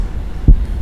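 Low, dull heart thumps over a humming background, the normal lub-dub pattern of first and second heart sounds.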